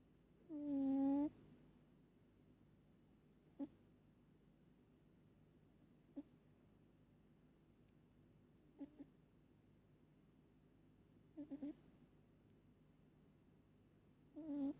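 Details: A pet cat sleeping, with one clear buzzing snore, then softer squeaky breath noises every few seconds in a quiet room; the owner says she snores hard every time she sleeps.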